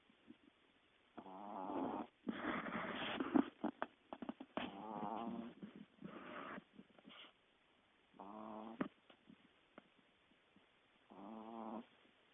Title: snoring 2